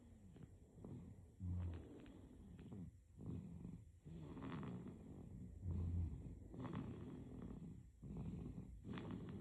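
Soft, rattly breathing noise with each breath during sleep, about six breaths in nine seconds; infant snoring.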